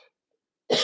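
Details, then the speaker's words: A single sharp, forceful cough, cut off, from an adult with a lingering cough one week into recovering from a chest infection; no fever now. "a little bit of coughing as you can hear, but I cannot really function."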